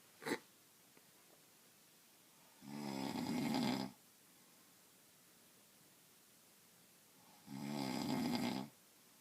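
Two loud rattling snores on breathing in, about five seconds apart, with quiet breathing between them. Ordinary snoring.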